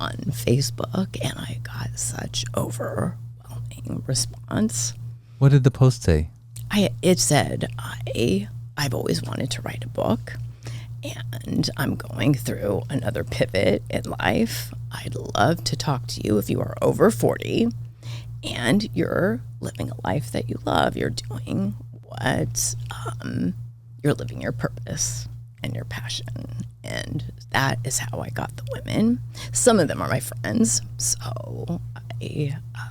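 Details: Adult woman diagnosed this year with spasmodic dysphonia; she attributes it partly to voice overuse and partly to stress, and it is noticeable during this recording; finding: spasmodic dysphonia.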